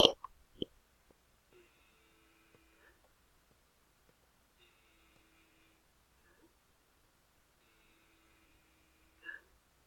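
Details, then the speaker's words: Normal egophony test during lung auscultation, stethoscope on bare skin: patient says "ee" three times, faint and sustained, staying "ee" rather than turning to "ay", with brief handling noise; no consolidation. "have the patient's AE while listening if the e sounds more like an A then the healthcare professional should be concerned for consolidation"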